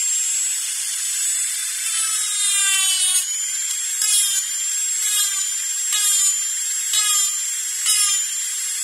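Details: Dental drill sound-effect recording: high-pitched steady whine with repeated rising bursts as it cuts.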